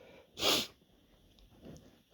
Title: Big sneezes (m)